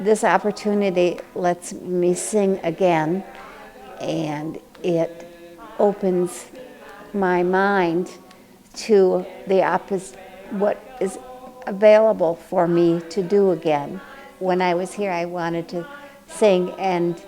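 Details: Adult with aphasia after a stroke a year and a half earlier; can walk but cannot talk as well as before; aphasia.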